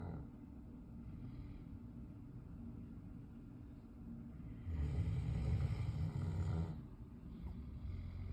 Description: Snoring South African Mastiff